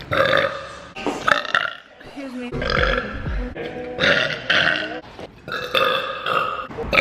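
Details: Compilation of several drawn-out, voiced belches from a woman, with brief speech between them and music in the background; burping.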